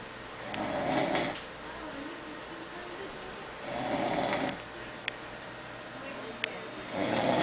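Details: Adult (funeral director, resting at work) snoring: loud rough snores on inhalation, about three in seven seconds, with quiet breathing between; snoring.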